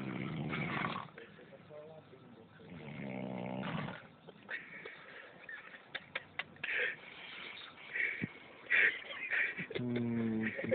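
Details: Loud rattling snores on in-breaths with quiet gaps and surrounding noises, from a person sleeping; ordinary snoring.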